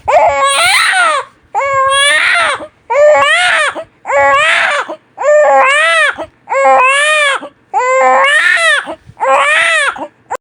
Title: Som de bebê chorando | Choro de bebê recém nascido chorando muito #PAIDONOAH #baby #bebe